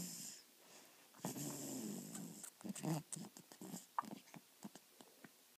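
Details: Snoring in a sleeping dog, recorded quietly: snuffling, snorting breaths with a rough snore, followed by a run of short clicks and snuffles.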